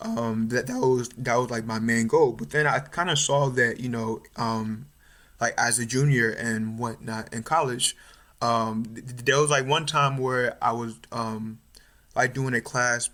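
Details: Stuttering in an adult male third-year medical student, more pronounced since about age 6 or 7, with family history (mother and uncles stutter); now overt, with blocks, facial tension and eye squeezing.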